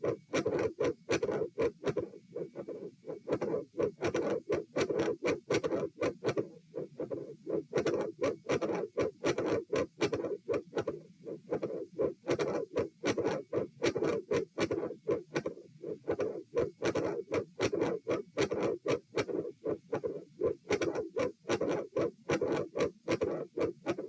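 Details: Heart sounds recorded at the aortic area (position A), patient supine, coarctation of the aorta questioned: repeating beats with an added phasic mid-systolic sound and a murmur between beats.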